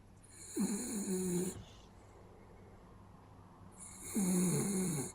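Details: Snoring in a sleeping West Highland White Terrier: two rattling, low-pitched snores about three and a half seconds apart with a quiet pause between them.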